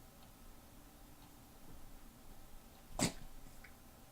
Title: Spritz sneezing